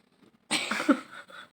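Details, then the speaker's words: Adult with a cough: one harsh cough burst followed by a fading rough tail, in a quiet room. "Iya ini lagi batuk nih teman-teman semuanya"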